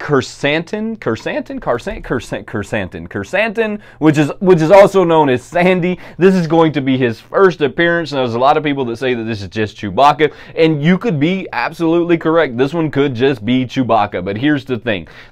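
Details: Adult man who says he has a speech impediment that stops him saying a name clearly despite hearing it clearly in his head; word repetitions; speech impediment.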